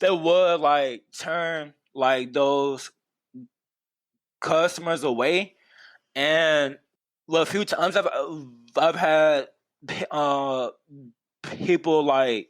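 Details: Adult man who has stuttered for as long as he can remember; stuttering.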